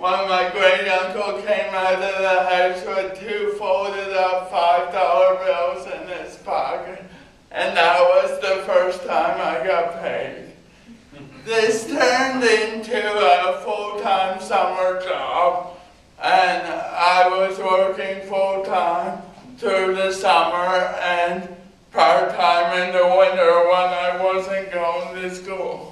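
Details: Adult man with cerebral palsy giving a university talk about his own condition; dysarthric speech associated with cerebral palsy.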